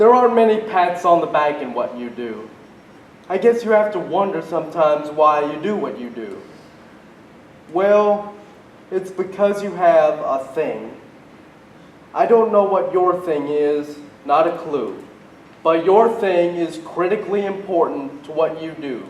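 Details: Male conference speaker with cerebral palsy, which he calls obvious; speech in cerebral palsy, possible dysarthria.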